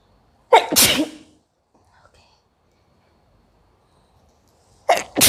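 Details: Two loud, sharp sneezes separated by a few seconds of quiet; forceful sneezing from a woman doing a sneezing challenge by irritating her nose with a bay leaf (tej patta).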